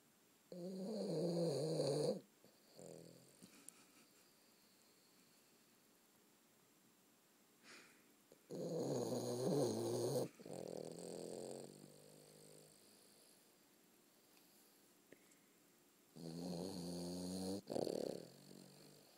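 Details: Snoring during sleep: three rattly, voiced snores on inhalation, each about two seconds, separated by quiet pauses and soft breaths.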